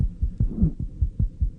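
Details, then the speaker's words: Pediatric heart auscultation: fast, low heart thumps in a child, with an added soft sound between beats giving a galloping rhythm, an extra heart sound (third or fourth heart sound or click). "when listening to heart sounds we note their intensity possible splitting [Music] whether there are additional sounds in the form of a third or fourth heart sound and clicks"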